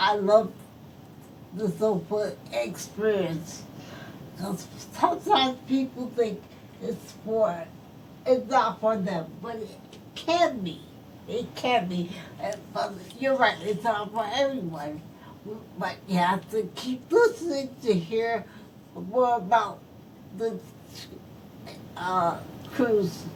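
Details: Adult woman stroke survivor whose speech is affected by her stroke; speech has repetitions and broken phrasing; post-stroke speech impairment.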